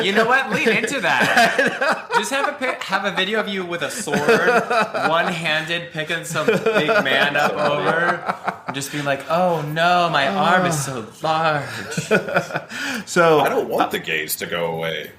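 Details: Adult man; normal speech.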